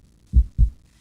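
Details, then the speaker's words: Simulated normal heartbeat from educational software: deep lub-dub pairs about 75–80 per minute; second "dub" sound from closure of valves at the heart's exit. "To prevent any blood from returning to the heart, another pair of valves close at the exit of the heart. This closure makes the second dollar dub sound."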